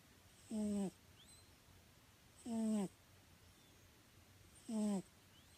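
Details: Pet cat in deep sleep, snoring: short whistling, slightly tonal snores at regular intervals in a quiet room, harmless sleep snoring.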